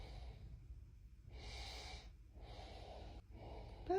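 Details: Three noisy, breathy snorting breaths with a rough, fluttering edge from a big Mastiff dog asleep in a guest room; snoring.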